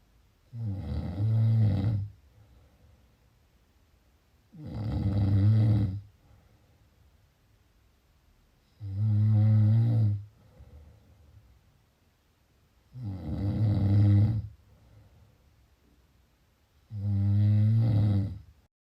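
Loud, low, rattling snores on each breath in, about 15 a minute, regular, with quiet breaths out between them.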